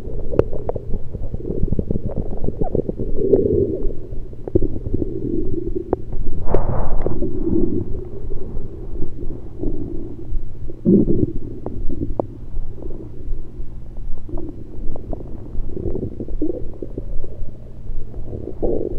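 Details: Abdominal gurgles recorded with a USB electronic stethoscope over the stomach, not during digestion but with liquids and air present: low rumbling with irregular gurgles and bubbling bursts, active bowel sounds.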